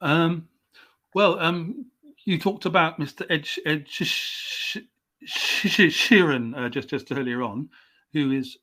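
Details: Stuttering (stammering) in an adult male English writer, stammering since age five, coming and going; he received speech therapy at 29.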